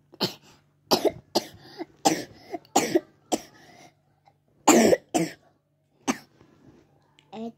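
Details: A young child with a cold (batuk pilek), recently back from hospital and about to take medicine, gives runs of short, repeated coughs in quick clusters, then a brief vocal sound.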